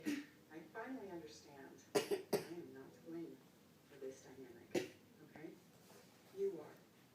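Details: Several short, harsh cough bursts over talking and background music; a speaker says both of them now have a cough.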